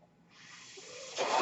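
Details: Soft hiss of airflow building steadily and surging louder near the end: the speaker's own mechanical ventilator delivering a breath while he talks; mechanical ventilator breath cycle.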